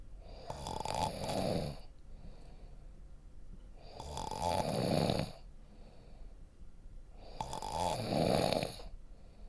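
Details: Snoring recording for relaxation: three rhythmic rattling snores on the in-breaths, about 18 breaths a minute, with quiet breathing between them; ordinary snoring.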